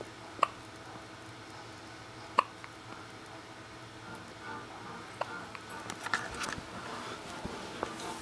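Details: Baby with sharp, brief hiccup sounds at irregular intervals, with faint music and room noise in the background; hiccups.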